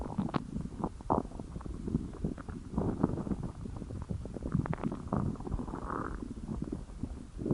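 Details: Hunger stomach growling: continuous low gurgling and rumbling with bubbly pops and squeaks; borborygmi.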